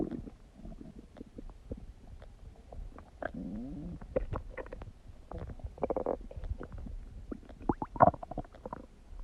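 Gurgling, bubbling and squeaky rumbles come in bursts; loud digestive bowel sounds, a normal finding.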